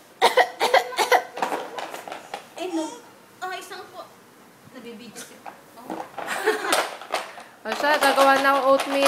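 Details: 9-month-old infant gives short, breathy cough-like bursts mixed with squeals and babbling: a deliberate fake cough.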